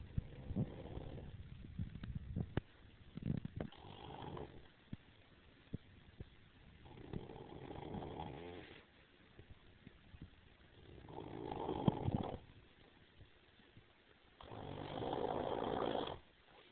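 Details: Brother snoring: loud rattling snores on each breath in, about four over 16 seconds, with quiet gaps between; ordinary snoring.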